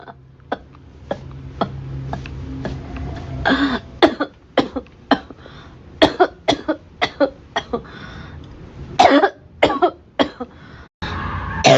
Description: I hope you all enjoy listening to the sound of my cough, I always record it with great care. 🌬️💗